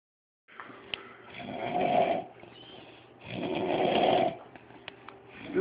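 Two loud, rough snores on breathing in, separated by quieter breaths, about 28 a minute; ordinary snoring.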